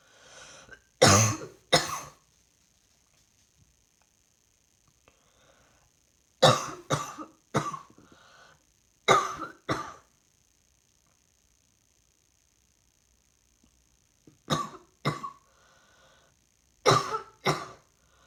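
Repeated bouts of two to three sharp coughs, about fifteen in all, with a faint steady hum behind; recurrent adult coughing.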